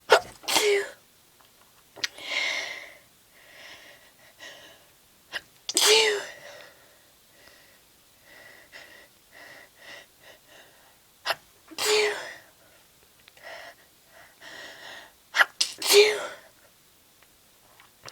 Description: Again im sneezey but dont want to wake up my sister.